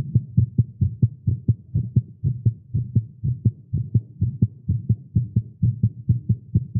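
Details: Male heartbeat after exercise and caffeine: rapid low thumping at about 128 beats a minute with slightly uneven spacing; fast heartbeat, tagged as irregular.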